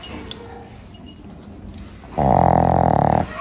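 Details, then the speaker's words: Sleeping pet dog with a bad cold and breathing difficulty, seen by a vet and on medication: loud, rattling, growl-like breath after a quiet pause with each breath in; labored breathing. "শরীরটা খুব একটা ভালো নেই, খুব ঠান্ডা লেগে গেছে আসলে। আওয়াজ হচ্ছে দেখছো তো, নিঃশ্বাস নিলেই ওরকম আওয়াজটা হচ্ছে, কারণ ও ঠিক মতো নিঃশ্বাস নিতে পারছে না, শ্বাসকষ্ট মতো হচ্ছিল কালকে।"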